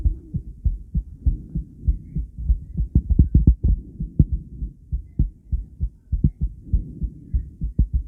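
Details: Female heart on an ultrasound Doppler view with sound: whooshing, pulsing normal heartbeat, with noise at the start of the recording.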